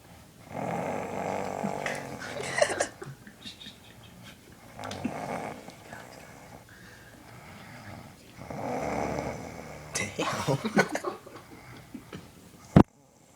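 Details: Man snoring after falling asleep exhausted from a day at theme parks: loud rattling snores on each in-breath, about four breaths over thirteen seconds, ending with a sharp knock.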